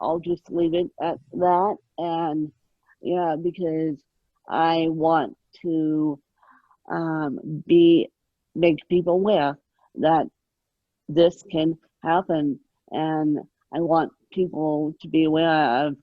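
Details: Adult woman with moderate, mid-spectrum ataxic cerebral palsy present since birth, caused by lack of oxygen at birth, needing 24-hour care; ataxic dysarthria (cerebral palsy).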